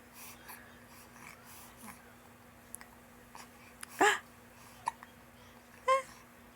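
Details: Hiccups in a newborn baby girl, described as normal: a few brief, abrupt catching sounds over quiet room hum.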